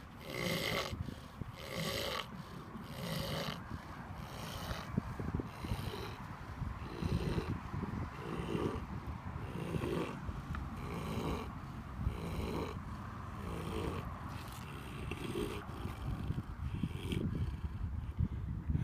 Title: Happy pig, snoring! 😃